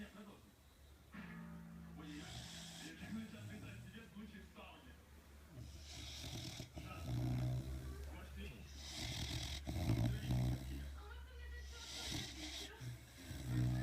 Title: Dogs snoring